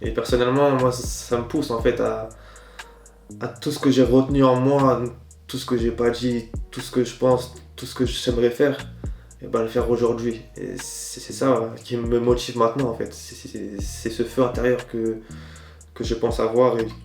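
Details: Stuttering in an adult man; he says it is worse in front of others and more fluid when he is alone.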